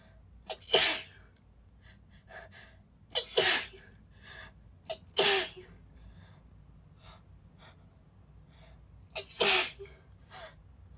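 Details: Female, still a little sick, not suppressing: four loud, breathy, spraying sneezes in a row, each preceded by a sharp catching inhale; sneezing fit.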